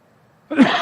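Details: Adult man coughing during a speech at the White House: near silence, then one abrupt, harsh cough.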